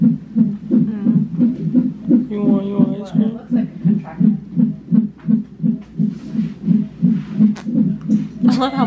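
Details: Fetal heartbeat on Doppler monitor at 29 weeks of pregnancy, heard during an emergency labor and delivery visit for tightening and pain; fetal heartbeat.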